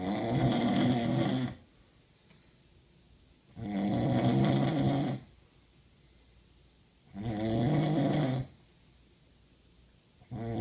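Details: Person snoring, extremely loud and pig-like, growing louder over time.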